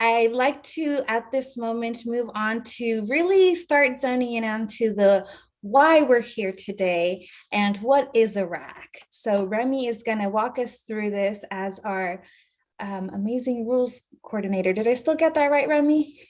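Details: Adult woman speaking; normal speech.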